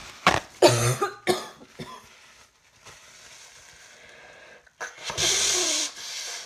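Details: Coughing while trying to work, feeling rather hot: a cluster of about four dry coughs, a pause with room noise, then another cough and a throat clear.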